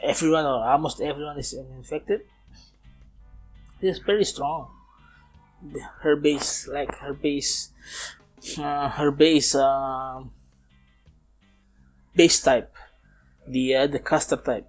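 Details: Man approaching 31, non-native English speaker, self-described as still stuttering (not clinically diagnosed), speaking English in a self-recorded podcast made partly to train his English; stuttering (disfluent speech).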